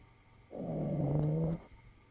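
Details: Sleeping Cavalier King puppy snoring: one drawn-out, low, rattling snore in a quiet room.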